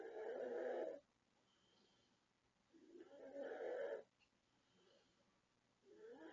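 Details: 36-year-old woman from the Philippines snoring loudly in sleep: slow, harsh, rattling snores about every three seconds with quiet gaps between them; heavy snoring.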